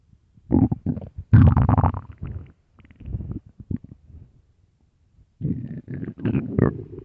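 Low gurgling rumbles in bursts separated by quiet gaps; ordinary stomach growling.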